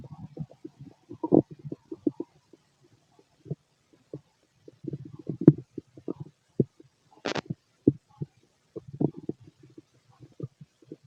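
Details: Bursts of low gurgling, bubbling rumbles with short quiet gaps from an adult male's stomach; borborygmi, normal bowel sounds of healthy digestion.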